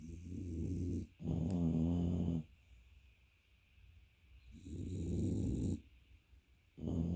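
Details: Dogs snoring.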